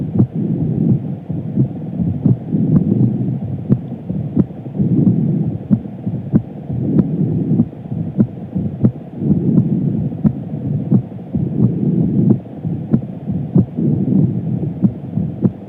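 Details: Woman with visible pulse: steady, regular heartbeat of soft repeating thumps over a low rumbling background, roughly 90 a minute.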